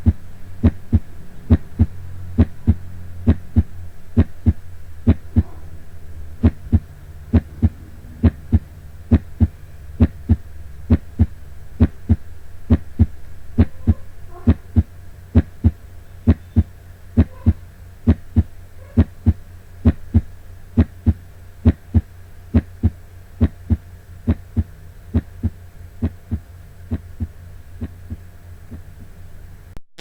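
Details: Normal heart sounds (S1 and S2).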